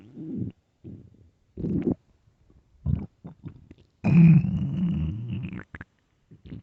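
Loud groaning and gurgling rumbles in bursts, one long drawn-out growl; hungry stomach growling.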